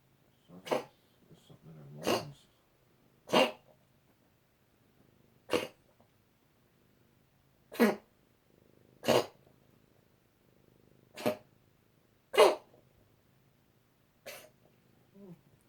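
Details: Cat coughing in a quiet room: about nine short, dry, harsh coughs spaced a second or two apart, in a bout lasting 2–3 minutes that was winding down and lighter.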